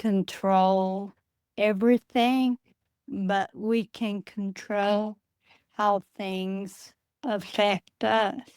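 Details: Adult woman with Friedreich's ataxia, a rare progressive neurodegenerative disease diagnosed at age 23, which she says affects her speech; wheelchair user; ataxic dysarthria.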